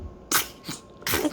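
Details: Three quick, sharp bursts of air in a row from a 7-day-old newborn after feeding; sneezes.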